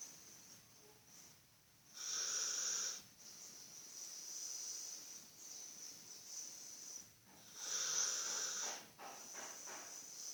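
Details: A sleeping dog snoring: high, whistling nasal snores about every six seconds with hissing breaths between.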